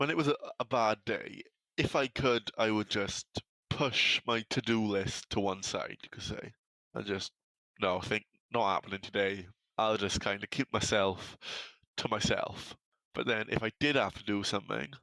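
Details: Man from South Wales, UK, who has had a stammer for as long as he can remember; stammer (stuttering).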